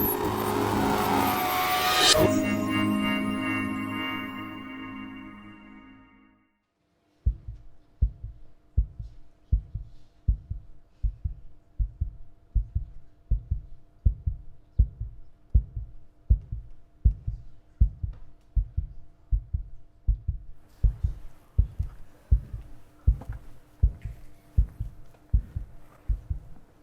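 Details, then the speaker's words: A steady, regular human heartbeat at about 80 beats a minute, following a brief passage of music; the adult speaker's own normal heartbeat. "The sound you can hear now is actually the sound of my own heartbeat. And if you listen carefully, you can hear all of yours joining in."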